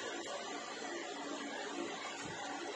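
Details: Dedakj DE-2AW oxygen concentrator, adjustable 1-5 L/min flow, eight-stage filtration: steady soft hissing whir of the machine running without pause; oxygen concentrator running.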